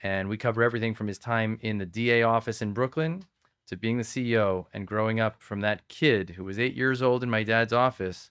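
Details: Adult male speaker; typical speech.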